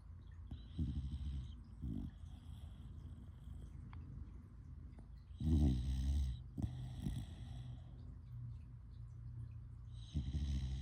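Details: Snoring: low rumbling snores with a whistling nasal edge at irregular intervals, with quieter breathing between them.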